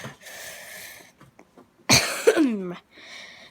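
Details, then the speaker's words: Adult with a recurring cough that has come back and is irritating: a single sharp, harsh cough burst with a brief voiced tail in a quiet room. "cough is still there and it is irritating"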